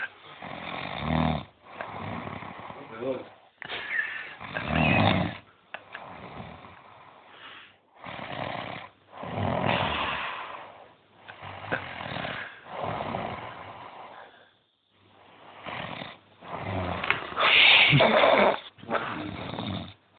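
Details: Person snoring heavily after a night of drinking: loud, harsh, rattling snores repeating steadily, with a snort on many breaths and brief quiet pauses between.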